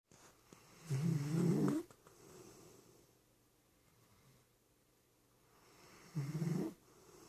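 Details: Two soft, low rumbling snores about five seconds apart in a quiet room; gentle snoring from a sleeping animal.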